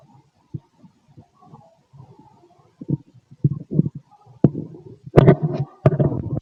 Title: Male stomach noise (6 hrs after eating)